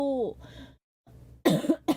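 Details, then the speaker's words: Child coughing: a short vocal sound, a pause, then two sharp cough bursts from a girl. "아 기침이나 아닌가? 감기는 근데 진짜 감기랑 감기는 다 걸리긴 해."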